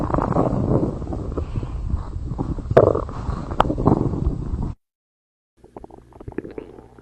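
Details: Stomach growling (borborygmi): low, bubbling gurgles and rumbling churns with a few sharp pops, then silence and softer irregular gurgles.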